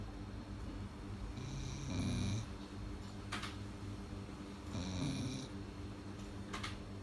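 Low, rumbling snores from a sleeping dog, two breaths about three seconds apart, over steady room hum.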